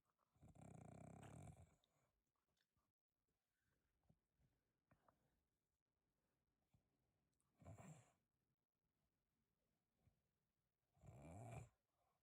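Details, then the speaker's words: Adult man (dad) snoring heavily in sleep: three loud, rough, rattling snores spaced several seconds apart, with quiet breathing between. "Like how you didn't see that thing to tell me what it was. That's how loud my dad snores."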